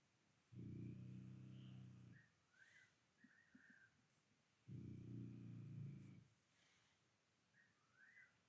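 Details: Night-time snoring heard against a night bird's calls: two low, buzzing snores about four seconds apart, with high night-bird calls in the background; steady snoring during sleep.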